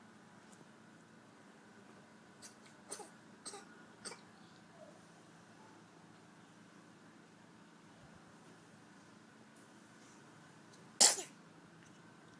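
A few faint breathy catches, then one sharp, loud, explosive burst of air typical of a single sneeze.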